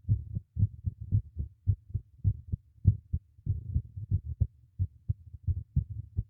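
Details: Own heartbeat recorded with a new microphone fixed beneath a teacup: regular, muffled low lub-dub thumps at roughly 100 beats a minute; normal heartbeat.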